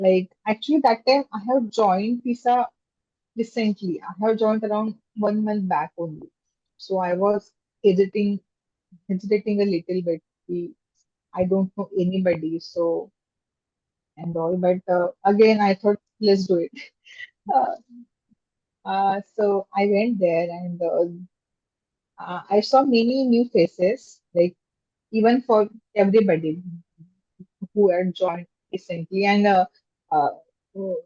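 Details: Stuttering in an adult woman, a software engineer, who has stammered since childhood and became aware of her stammer in seventh standard.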